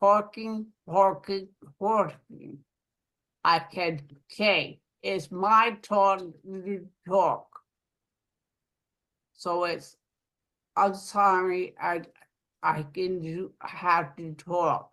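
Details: Aphasia following a stroke in an adult woman living in Rhode Island; aphasia.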